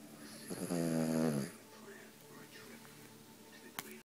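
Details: A worn-out dog snoring in its sleep: one loud, buzzing snore lasting about a second, then quiet breathing with faint room noise; snoring.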